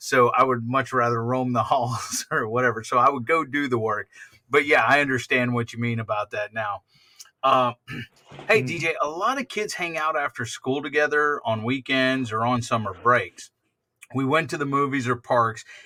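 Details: Two adults in conversation, indoors; conversational speech.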